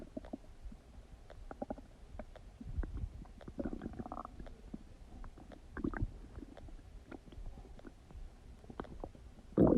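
Gurgling, bubbling abdominal noises with scattered pops and a few longer rumbles; ordinary bowel sounds of digestion.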